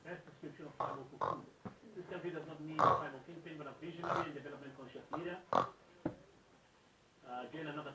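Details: Man snoring: rough, snorting breath noises in an uneven run of about eight seconds with a short pause near the end; loud snoring.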